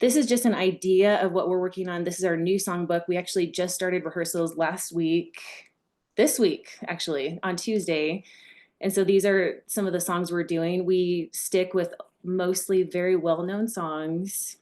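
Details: Adult woman speaking; plain speech.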